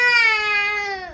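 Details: Baby boy gives a single sustained cry, high-pitched and tonal, gently falling in pitch as it fades while being comforted: infant crying.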